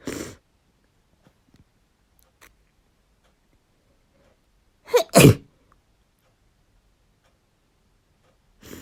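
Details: Adult female inducing sneezes, nose running: a faint breath, then a sharp double sneeze in a quiet room with a small sound after; ordinary sneeze.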